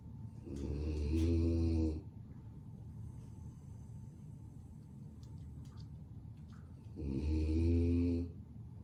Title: The sound of my dog 🐶 Lucy snoring 😴